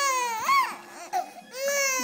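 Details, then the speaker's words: Infant girl crying during tummy time, which she doesn't like; high-pitched tonal crying with rising and falling wails and a brief catch between them; infant cry. "love her make her stop crying you going love her no give her love it's a good big sister"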